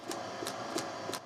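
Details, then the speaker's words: Total artificial heart with two implanted artificial ventricles, pneumatic driver carried in a backpack: about 130 rapid, regular air bursts per minute over a steady mechanical hum, constant noise; total artificial heart pneumatic driver sound. "It pumps about 130 bursts of air per minute, replicating a rapid heartbeat. That noise is always there."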